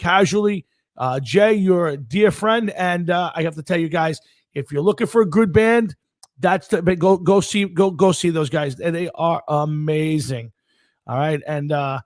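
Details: Adult male speaker; normal voice.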